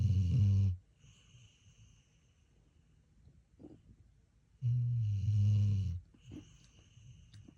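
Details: Two loud, low, rumbling snores about four seconds apart with quiet breathing between; snoring, probably from a dog.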